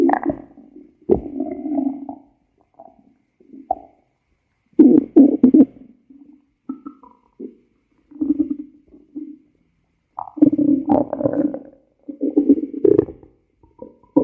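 Irregular gurgling, bubbling rumbles in bursts with short pauses: stomach growling, ordinary bowel sounds.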